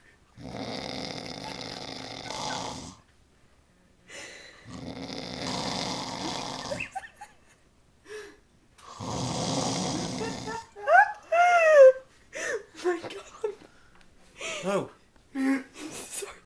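Three long, loud rattling snores, then short whines and squeaky noises near the end; snoring.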